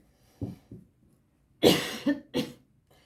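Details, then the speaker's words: Adult giving two soft throat sounds, then two forceful, harsh coughs; the speaker says treatment for their vocal cords sometimes makes them cough. "excusez-moi j'ai un traitement pour mes cordes vocales et des fois ça me fait tousser"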